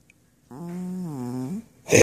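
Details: Real, not faked, sleeping male cat: one loud, tonal, buzzing snore lasting about a second that sounds like a fart, followed by a short noisy burst; snoring.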